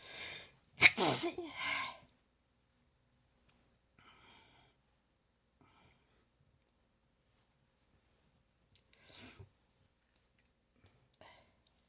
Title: Prolonged sneezing fit after waking up